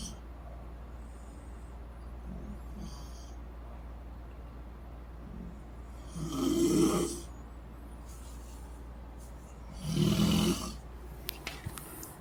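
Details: Two women, a mother and her daughter, snoring in their sleep while on vacation despite both denying that they snore; the recorder likens it to busted chainsaws.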